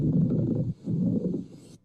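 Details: Demonstration of a pleural friction rub from inflamed pleural surfaces rubbing together: two low, coarse grating bursts like rubbing leather, heard on inspiration and expiration and not cleared by coughing; causes given as pleurisy, pulmonary embolism or pneumonia.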